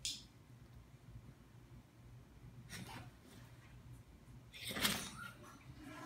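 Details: Two short, sharp bursts of air from a small Italian Greyhound dog in a quiet room, the second louder; dog sneezing.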